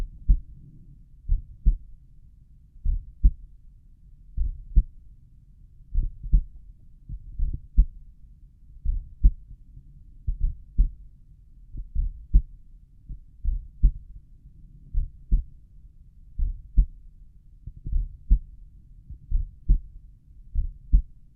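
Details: Adult's own slow resting heartbeat recorded at the tricuspid area: slow, steady paired normal heart sounds at about 40 beats per minute.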